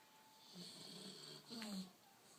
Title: Bulldog snoring